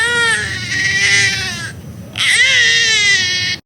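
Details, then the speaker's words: Infant cry of the long, drawn-out "eairh" type: two long wails, which is said to signal a tight, gassy tummy with the baby ready to pass stool. "แล้วก็เสียงอีกเสียงนึงก็คือเสียงแอร้องแอร์แบบยาวๆแอ้"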